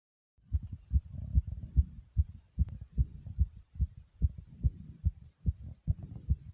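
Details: Own heartbeat described as beating really fast and hard: strong, regular, thumping beats at about 145 a minute; a fast, forceful rhythm (rapid heartbeat).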